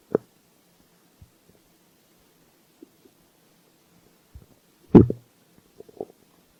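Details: Stomach growling: scattered soft pops and gurgles over near silence, with a louder gurgling rumble near the end; hunger-related borborygmi.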